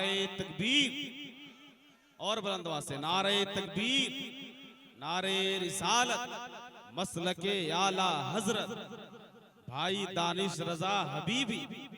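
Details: Adult man speaking to a crowd; normal voice.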